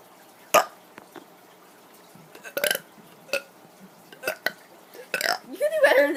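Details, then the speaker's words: Child doing several short, loud, wet burps in a row with a brief voiced sound at the end; he says his burps are really wet today and his stomach hurts after eating KFC; burping. "okay so for some reason i'm having really really wet burps today"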